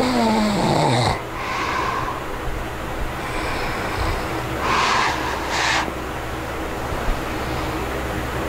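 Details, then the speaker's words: Adult with obstructive sleep apnea asleep: irregular heavy, noisy, laboured breathing with a brief snore over steady room noise, breathing deeply while struggling to bring in enough air. "anyways that's what sleep apnea sounds like even when i wasn't snoring in the first clip without a device you can still hear me like breathing deeply because i'm struggling to bring in enough air"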